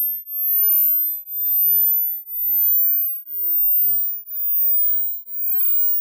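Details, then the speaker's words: Hearing test tone for checking ear age: a very high, thin tone slowly rising in pitch, pulsing about once a second; a rising-pitch sweep where listeners note how long they can hear it. "यह sound आपकी as के हिसाब से आपका कान कितना healthy है यह आपको बता देगा"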